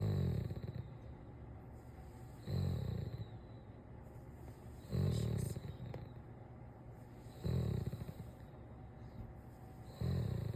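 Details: Sleeping Doberman, Clover, snoring with her eyes rolling back: deep rumbling snores on each breath, about 24 a minute, with quieter breathing between them.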